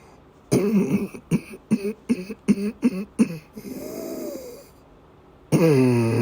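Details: Coughing fit in a woman having persistent asthma attacks with a migraine-cluster headache complex: a rapid run of about eight harsh coughs, then a strained, rasping in-breath and a loud groan.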